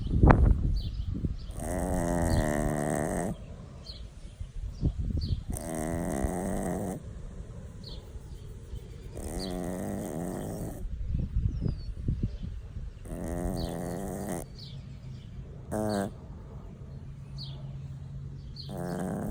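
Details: Chihuahua sleeping while sunbathing, snoring: drawn-out, droning, almost moaning snores, about one every four seconds, around fifteen a minute.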